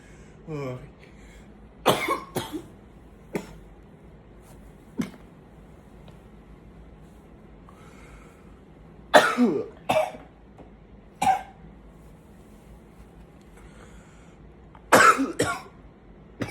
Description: in this video, i groan a little bit in between coughing fits to show how much the coughing is tiring me.